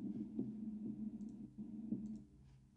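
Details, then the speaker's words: Pleural friction rub heard over the chest: a low, coarse grating sound with rough creaking bursts, a rubbing, friction-like noise from inflamed pleura. "if you take yeah set the scope and run your fingers over the back you'll hear the kind of rubbing noise that's basically what a plural rub sort of sounds like it's kind of rubbing friction like noise"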